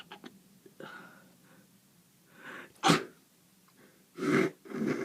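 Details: Person home ill with a horrible cold: sniffles and short wet breaths, then a sharp sneeze followed by two more explosive, congested sneezes; sneezing with a head cold.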